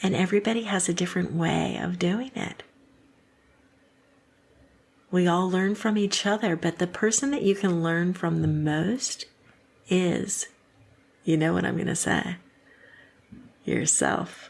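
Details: Adult woman; typical speech.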